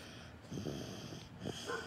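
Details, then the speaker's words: Sick infant with suspected upper respiratory illness, having a hard time breathing: low, rattly, raspy breathing sounding like a cat purring; noisy congested breathing. "sound like a cat purring dude unfortunately the coolest dude if you saw yesterday in the wrestle Crate Box uh wrestle crate UK unboxing he wasn't feeling well he's still not feeling great he's having a hard time breathing"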